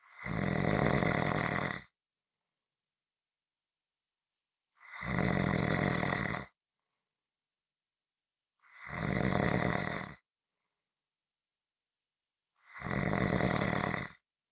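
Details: Heavy snoring recording: loud, rough snores about 1.5 seconds long, roughly 15 per minute, separated by silent gaps.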